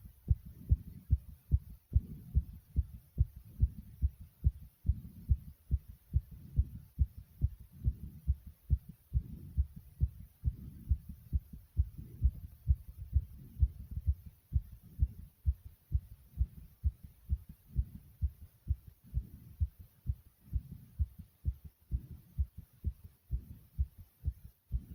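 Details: Rapid, steady, low thumping heartbeat right after almost 60 jumping jacks: a normal fast rhythm from exertion (sinus tachycardia).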